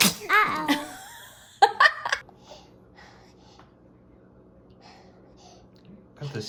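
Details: Infant sneezing; after an adult voice, a quick pair of small sneezes followed by quiet room noise.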